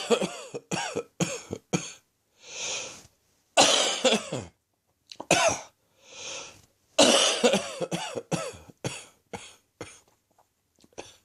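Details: Late-morning coughing fits during a slowly resolving chest infection: short bursts of harsh, wet-sounding coughs with pauses, about twenty coughs.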